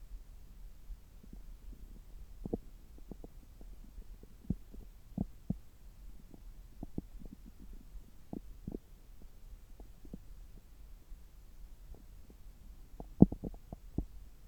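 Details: Stethoscope recording over the abdomen about 3 hours after a meal, when the gut is active: irregular gurgles and short clicks over a quiet low hum, normal active bowel sounds.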